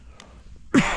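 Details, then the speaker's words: Adult sick with a flu-like bug, outdoors at a campfire, gives one sudden harsh cough burst after near-silence. "yeah like I say apologies for the coughing it uh there's a bug going around some kind of flu bug had me laid up for a couple of days"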